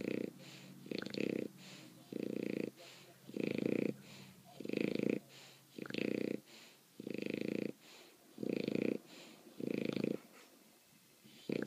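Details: Bulldog sleeping after the dog park, snoring: loud, rattling snores in a steady rhythm, about eight in twelve seconds, with softer breaths between.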